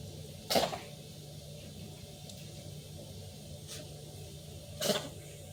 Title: Kitten Coughing